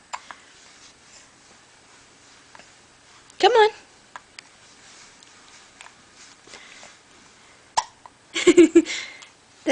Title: Hiccup baby